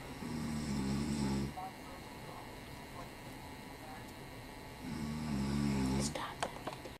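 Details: Father snoring during a nap: two long, buzzing, tonal snores on the in-breath, about four seconds apart, with quiet room noise between.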